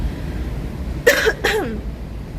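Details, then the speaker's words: A female streamer coughing during a livestream: two short, voiced coughs over background room noise. "you want me to flex i'm still coughing dude now i am this is relaxing to me"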